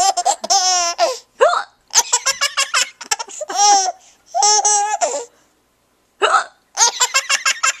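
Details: 6-month-old baby laughing at his mother's hiccups: bright rhythmic infant laughter with short voiced catches between bursts.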